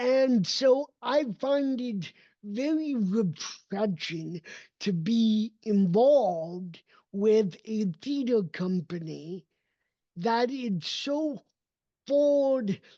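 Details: Adult male with cerebral palsy, a neurodevelopmental disability affecting his motor development and movement; real speech; dysarthria (cerebral palsy).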